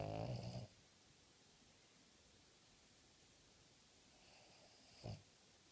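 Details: Snoring from a sleeping, tired terrier dog the day after Christmas.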